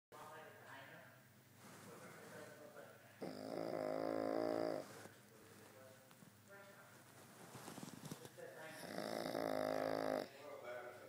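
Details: Pug napping, snoring: two loud, rattling snores on inhalation about 5 seconds apart, with quieter breathing between.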